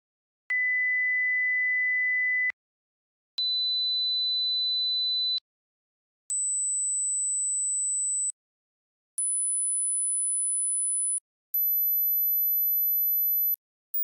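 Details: High-frequency hearing test tone sequence.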